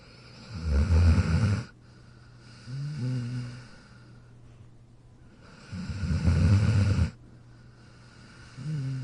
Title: Jack Sleeping & Snoring in his Dog Bed in 43 seconds